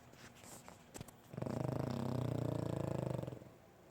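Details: Snoring from a sleeping fat pug: a single long, low, fluttering rattle on one breath, about two seconds, in a quiet room.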